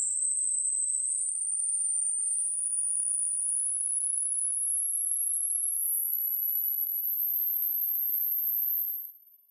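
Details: Hearing test frequency sweep: a pure high-pitched tone rising slowly and steadily in pitch for about nine seconds, then fading out.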